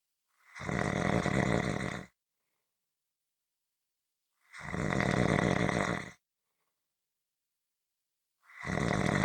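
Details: Loud, harsh, rattling snores about every four seconds, roughly 15 a minute, with silence between breaths; snoring.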